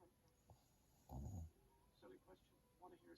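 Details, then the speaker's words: Mother snoring during sleep, though she claims she doesn't snore: a deep, rattling snore on a breath, with Star Trek television dialogue in the background. "See? She says she doesn't snore. BS."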